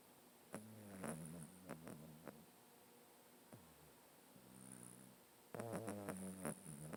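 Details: Cat snoring in its sleep close to the owner's face, which happens every day: soft, fluttering snores with small clicks and catches in the breath, quiet overall and close to the microphone.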